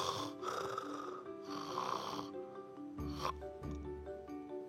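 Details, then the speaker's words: Imitated adult snoring with obstructive sleep apnea: loud snorting snores broken by pauses where breathing effort continues but the airway closes and no air passes, over background music. "Nah berhentinya bukan karena gerakan nafasnya yang hilang Tidak tapi salurannya nutup nutup heeh ada gerakan nafas tapi tidak ada udara yang lewat kan kayak kecekek ya"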